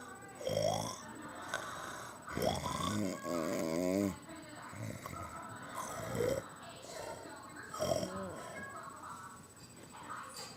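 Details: Snoring while sleepy and asleep: repeated groaning, fluttering snores about every two seconds, some with a vibrating, rattly quality.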